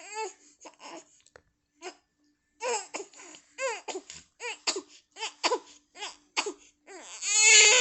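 Short, high-pitched infant cries and whimpers in bursts, building to a louder cry at the end.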